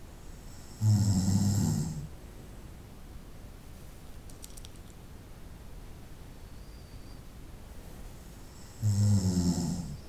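Two loud, low, rumbling snores about eight seconds apart, with quiet breathing between them, during night-time sleep.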